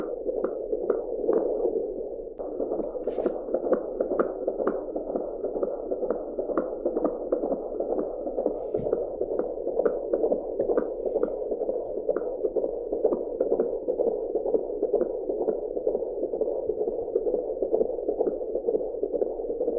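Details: Fetal heartbeat recorded with an Angel Sounds home fetal Doppler, heartbeat sound only: rhythmic whooshing pulses at about 128 a minute, a normal fetal heart rate.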